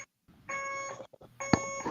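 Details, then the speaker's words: Two sustained electronic beeps with faint room noise: an IV infusion pump alarm at the bedside of a hospitalized patient on two broad-spectrum antibiotics, with one line flowing faster than the other. "and that's that beeping right there okay it's which it this one one's flowing faster than the other and it's just really really uh temperamental"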